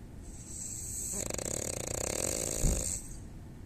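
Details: Female French bulldog snoring: a single loud, rattling snore on a drawn-in breath with a fluttering buzz, ending in a brief snort.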